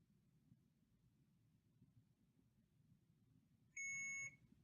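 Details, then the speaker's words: Alaris IV infusion pump tutorial, line occluded on patient side by antecubital IV: quiet room, then a sharp steady high-pitched alarm tone about half a second, occlusion alarm after the channel turns orange then red. "you'll see it start to turn orange and then it will turn red so there's the orange because it's detecting it's not flowing and it doesn't give you very long before it gets upset then it'll flash red and alarm"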